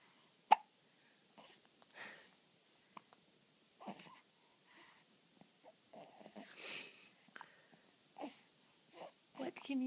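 A young child hiccups with sharp, abrupt catches of breath while an adult speaks softly nearby.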